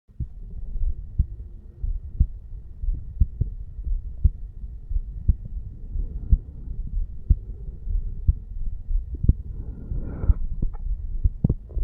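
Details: 35-year-old male sitting on stairs, heartbeat recorded over the bicuspid (mitral) valve area: soft, regular normal heart sounds at about 60 beats a minute under low rumbling noise, with handling noise near the end.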